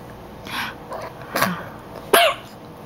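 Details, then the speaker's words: A baby, talking and smiling between bouts, gives a few soft throat-clearing sounds and then one sharper cough, seeming aggravated: an ordinary infant cough. "goodness all you're doing is coughing you're not talking you're not talking to me"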